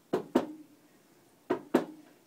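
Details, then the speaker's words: Simulated heart sounds in a cardiac assessment teaching demo: a faint, low extra sound just after S2, an early diastolic S3 gallop. "that's three good Yay good and you're on YouTube okay so S3 is right you can really hear it so if you remember love the dub after locating S1 and S2 that sure is three"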